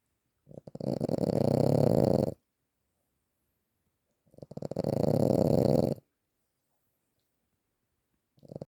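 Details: Snoring: two long, loud, rough rattling breaths about three seconds apart, with a third beginning.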